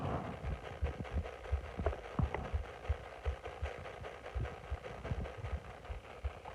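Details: Continuous low bubbling and gurgling with irregular soft pops from the abdomen of a bloated person lying on the stomach; active stomach growling (borborygmi).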